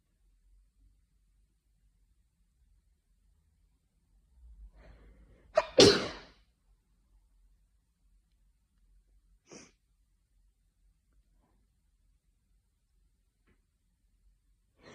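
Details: Afternoon sneezing fit from hay fever: a quick indrawn breath, then one sharp sneeze in a quiet room, with a faint sniff afterward.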